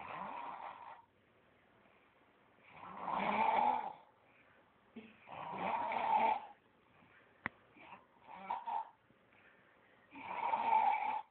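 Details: Sleeping man snoring loudly: rattling snores on the breaths in, about four in eleven seconds, with quieter breathing between; ordinary adult snoring.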